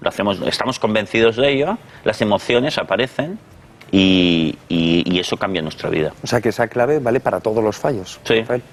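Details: Adult male psychologist and speech therapist who has stuttered since youth; the stutter persists, but he overcame his complex about it with psychological help; stuttering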